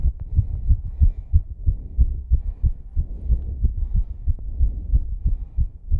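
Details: Fast, steady, low heart thumps of a struggling female during exercise, with faint rough heavy breathing; rapid heartbeat with exertion.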